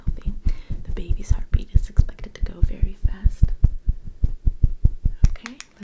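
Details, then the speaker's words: Simulated ASMR role-play ultrasound of a pregnancy at about 11 weeks: fast, regular whooshing thumps at 158 beats per minute, a very healthy normal fetal heartbeat. "very healthy heartbeat 158 beats per minute very healthy"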